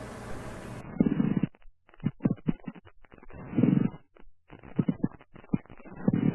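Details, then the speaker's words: Rough, grating, leathery Velcro-like bursts over the chest: pleural friction rub from inflamed pleural surfaces rubbing together. "yeah oh it's a friction rub friction rub a friction rub a plural friction rub and pericardial friction rubs those are two kinds of friction rubs we have their leathery velcro resounding signs of a plural friction robb it sounds like velcro"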